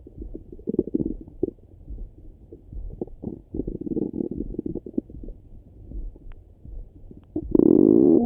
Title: Stomach Rumble in The Morning 🌄🫧🩺